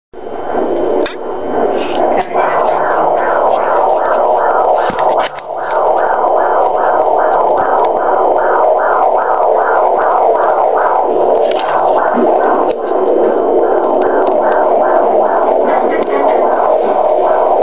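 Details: Fetal heartbeat at 24 weeks 5 days of pregnancy on Doppler: fast, regular whooshing at about 150 per minute through hiss, briefly broken when the baby kicked.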